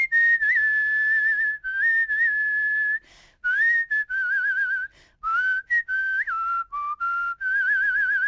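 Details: Woman with Tourette syndrome producing a whistling vocal tic, which she says is a tic but also a way for her not to tic.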